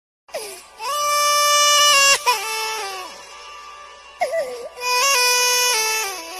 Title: Baby Crying #babygirl #shorts #trending